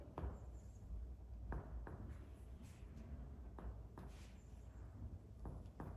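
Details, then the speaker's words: Comparative finger percussion of the lungs, starting upper right, over supraclavicular, clavicular and infraclavicular regions side to side: series of low hollow taps giving a clear resonant note everywhere; normal resonant lung percussion. "AER lung on percussion makes clear lung sound on right side supraclavicular region on left side clavicular region we do then infra clavicular"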